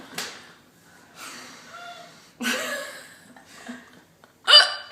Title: STUNNING but stuck with the WORST HICCUPS